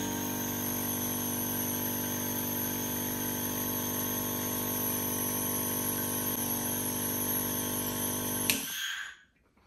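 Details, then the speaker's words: Compressor nebulizer, model 8800 (40 W, 120 V), with hose and face mask, switched on for demonstration: steady buzzing motor hum with a fast vibrating pulse, ending in a click as it shuts off. "I have this compressor nebulizer, model 8800. It comes with this power cord."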